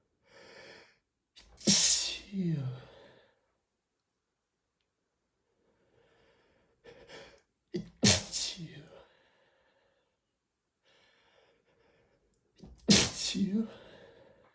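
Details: Repeated allergic sneezing triggered by dust while cleaning: three loud sneezes, each with a quick inhaled lead-in, spaced a few seconds apart.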